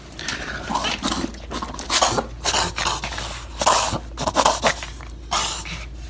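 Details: Dog with plain reverse sneezing from wind chapping during overexertion outdoors in snowy weather: repeated snorting, honking inward breaths through the nostrils in spasms, from irritation of the soft palate and back of the throat.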